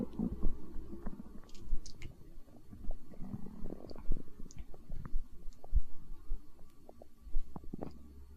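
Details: Stomach growling (borborygmi), hunger sounds from an ASMR recording: low, irregular gurgling and rumbling from the belly over several seconds.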